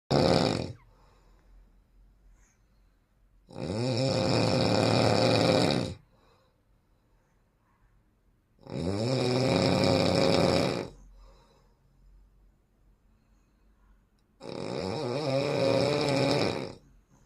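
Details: Very heavy snoring: loud, rough snores on each breath in, about 12 a minute, with quiet pauses between them.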